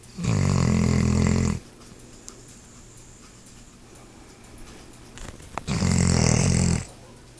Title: Laika snoring